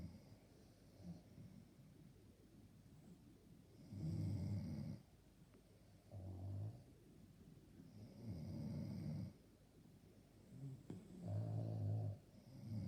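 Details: Repeated low, rattling snores about every 3 to 4 seconds with quiet pauses between, keeping the listener awake; ordinary snoring.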